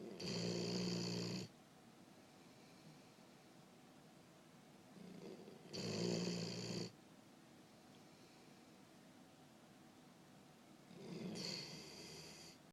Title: And you think your husband snores loud?